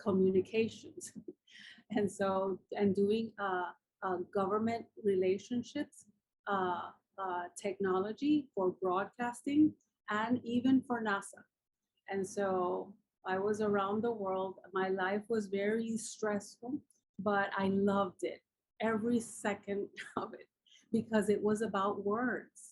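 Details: Adult woman with aphasia after a massive combined ischemic and hemorrhagic stroke 10 years ago, with coma and locked-in state; nearly a year passed before she could speak; writing still impaired; aphasia.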